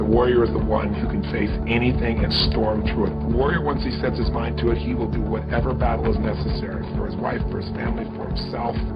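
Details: Adult male speaker; no speech disorder.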